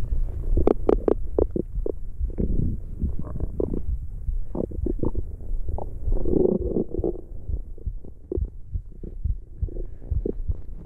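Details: ASMR recording of stomach growling: deep, close-miked rumbling and gurgling with bursts of bubbling; normal borborygmi from gut movement.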